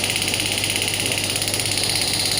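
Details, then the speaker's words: Biotronix 12-bar pneumatic shockwave therapy device (with ultrasound) demonstrated on the operator's own hand at about 5.5 bar, intensity being increased: loud, steady, rapid mechanical pulsing with a buzzing, hissing quality from the firing applicator. "So now I will start the device. I need to click the same. I need to press that button. You can see I'm just increasing the intensity."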